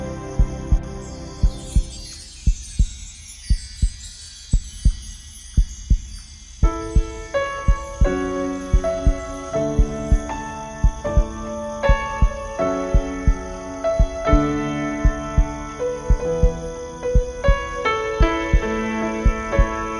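Steady, regular heartbeat at about 57 beats a minute, heard over soft piano music.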